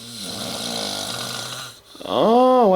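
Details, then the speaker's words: An adult man, a friend who had a couple of beers, snoring during sleep: a loud, rattling, vibrating snore on the breath, then a rising, voiced, drawn-out sound. "maybe one too many of those I'm not too sure wow I thought I snored loud like a lawnmower say good night"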